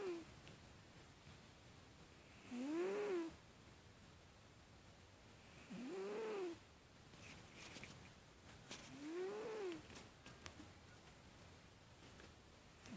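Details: Sleeping cat, soft squeaky whistling snores about every three seconds over steady hiss; snoring.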